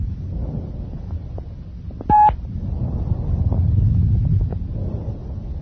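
Hollow, tubular breath sounds with louder expiration and a gap between phases, typical of bronchial breathing.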